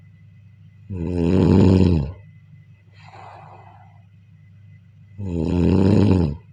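Two loud, rattling inhaled snores about four seconds apart, with a softer airy breath out between them. Snoring.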